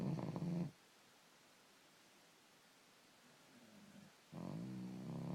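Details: Very loud snoring from a 5–6-month-old male who is not yet full grown: loud, rough, low snoring bursts with quiet pauses between them.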